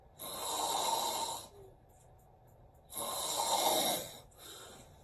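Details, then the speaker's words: Severe obstructive sleep apnea in an adult male trucker, filmed asleep by his mother in her living room: loud rasping snores and snorts with a quiet gap of no breathing, which he describes as choking, before he wakes. "this is what severe sleep apnea looks like that's not snoring I'm like choking I can't breathe see right there I'm not"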